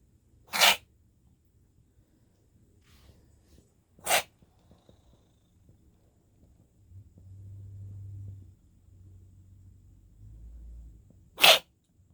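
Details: Tattie sneezing for the vet (2020): three short, sharp sneezes with quiet breathing and sniffing between, in a quiet room.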